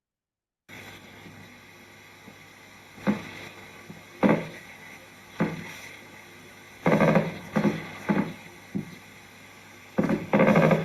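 Quiet hiss broken by recurring crackly bursts, some single and some grouped in close runs, repeating irregularly: myokymic discharges on EMG.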